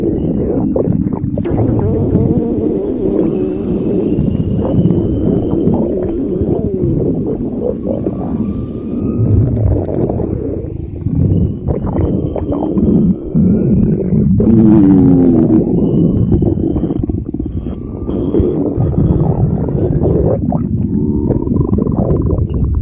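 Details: Empty stomach growling: continuous low rumbling with gurgles and squeaky rising and falling tones; borborygmi.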